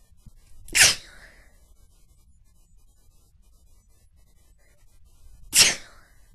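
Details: Person's normal sneezes in a short sneezing fit: two sharp, explosive sneezes about five seconds apart in a quiet room.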